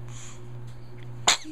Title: Sneezing